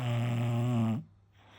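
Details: Sleeping bulldog: a single deep, rumbling snore ending abruptly, then quiet; snoring.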